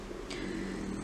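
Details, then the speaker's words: A French Bulldog snoring while asleep, heard faintly in the background: a steady, low, rough rumble. The owner says he can be heard throughout the house at night. "If you're wondering what the noise is in the background, that is my Frenchie snoring."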